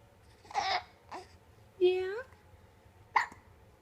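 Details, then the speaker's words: Happy 2-month-old baby girl with hiccups: short, abrupt little voiced catches mixed with babbling and a happy squeal. "Uh-oh, you got the hiccups. You're still happy though, aren't you?"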